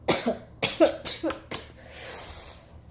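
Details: Adult getting over a sinus infection, now with a cough and stuffy nose: a quick run of about five harsh, partly voiced coughs, then a long breathy exhale; a coughing fit.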